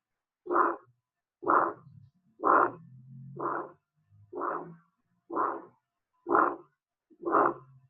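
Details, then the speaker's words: Harsh crescendo-decrescendo systolic ejection murmur between first and second heart sounds, rhomboid-shaped, radiating to the neck, heart rate about 62 a minute; aortic stenosis from the valve failing to open, typically degenerative in elderly patients. "Y la oscultación característica es un soplo expulsivo creciente, decreciente, áspero que se irradia hacia cuello dijimos que es de característica romboida."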